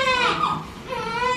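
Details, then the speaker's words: Short, high-pitched fussy cry from a newborn girl, two brief wails, on the day she goes home after 3–4 days in hospital; an ordinary newborn cry. "Why are you so fussy? Why are you so fussy?"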